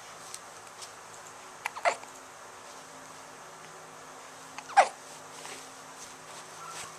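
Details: Two brief, sharp hiccups about three seconds apart over a quiet room hum, from a person with hiccups who is turning on her side and wrestling with a pillow.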